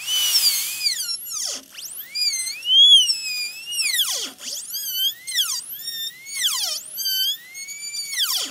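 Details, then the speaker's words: High-speed dental drill adding a slight bevel, rounding line and point angles on tooth number three (maxillary molar) during full zirconia crown preparation with rounded shoulder: high-pitched whine rising and falling as the bur cuts. "when that's done we do have to finish it off with a slight bevel and we'll do that now"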